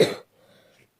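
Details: Single short cough with some throat clearing, then quiet, from a French-speaking Roblox player who says they are a little sick and hoarse.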